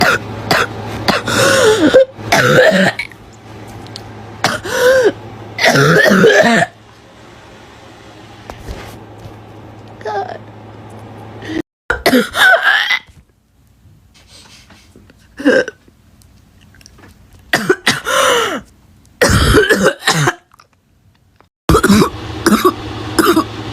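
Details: Barking cough from a girl: repeated harsh, barking cough bouts with throat clearing and gagging sounds, separated by quiet pauses.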